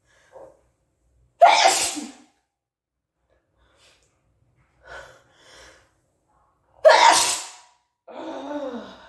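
Two loud explosive sneezes, each after a short quick intake of breath, with quiet breathing between them.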